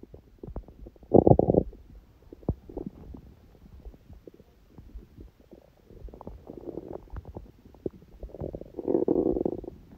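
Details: Hunger stomach sounds from an empty stomach, recording that also includes sneezing: intermittent gurgles and rumbling surges over faint crackling; normal hunger borborygmi.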